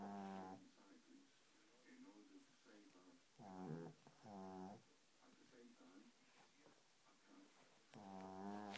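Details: Snoring from a sleeping Shih Tzu dog.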